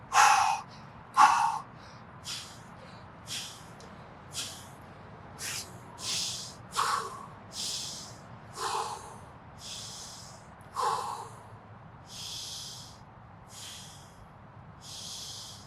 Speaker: And finally, at the top of the pyramid, we have mouth breathing, specifically rapid mouth breathing or hyperventilation.